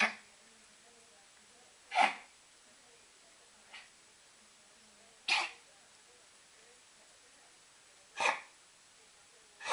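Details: A dog in a recurring paroxysmal coughing fit with sharp, explosive bursts every couple of seconds; fits recur every few weeks, worsen before walks or meals, stop on walks and resolve alone; owner suspects nerves.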